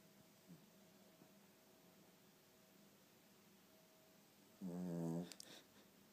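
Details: Pugalier puppy asleep, snoring very loudly: several quiet seconds of soft breathing and faint room hum, then one loud, rattling snore; snoring.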